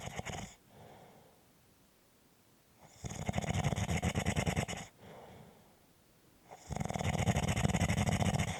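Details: Snoring: loud, low, fluttering rattles, each about two seconds long, recurring roughly every three and a half seconds with quiet pauses between breaths.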